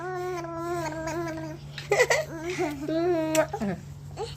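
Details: Little baby girl crying in long, high wails with brief catches and a falling sob at the end, after being scolded.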